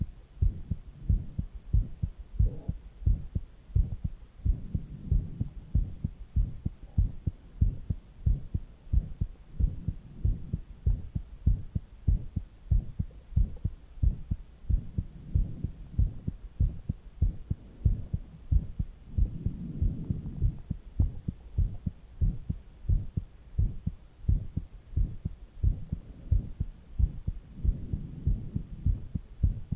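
Steady, regular low heart thuds at rest, with intermittent soft gurgling stomach noises underneath.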